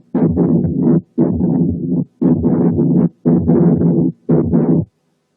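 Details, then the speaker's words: Pericardial friction rub, typical in timing though not in quality: a coarse, rasping noise fills nearly every cardiac cycle at about 58 a minute, unrelated to any single phase. "ده بيبقى بيريكارديال راب. هنسمع دلوقتي راب، وإن كان مش تيبيكال في الكواليتي لكن تيبيكال في التايمينج."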